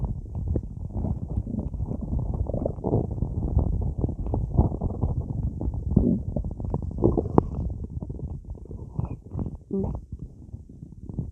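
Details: Continuous low gurgling and rumbling with bubbling pops from a stomach bloated by drinking a lot of soda while lying in bed; active stomach growling, ordinary digestive bowel sounds.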